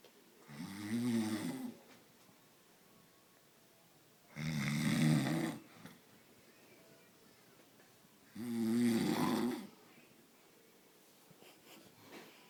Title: snoring and now gets made up